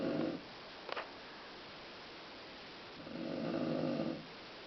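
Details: Mother's soft, low snoring on two breaths over a steady background hiss, with a faint click between; snoring.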